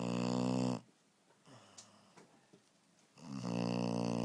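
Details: Sleeping puppy gives loud buzzing snores on each breath, with near silence between, in a quiet room; ordinary sleep snoring.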